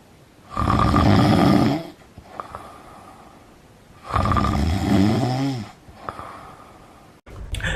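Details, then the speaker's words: Snoring likened to Darth Vader choking on an Ewok, presented as one of the most annoying sounds; snoring. "number four a snowy kitten is cured snoring that sounds like Darth Vader choking on an Ewok is not I hope you don't know anyone who does snowing but if you do well then have little sorry"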